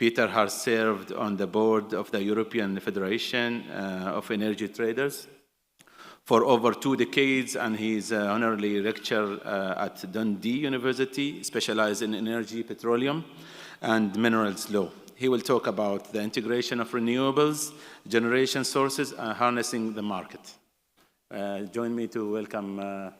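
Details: Adult male speaker; Normal speech.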